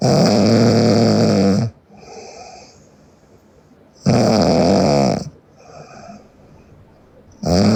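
Loud, harsh rattling snores on each breath in, with quieter breathing out between, about 17 breaths a minute.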